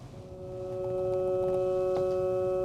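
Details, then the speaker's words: EEG sonification from a patient without seizure: steady, sustained humming tones reflecting normal background alpha activity around 10 Hz. "and I'll just play you a few sounds to see how intuitive and simple this is so this is a patient without seizure"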